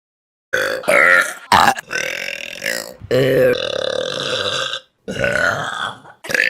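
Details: Burps from a Vine burp compilation: several loud, drawn-out voiced belches following one another with short gaps, repeated burping.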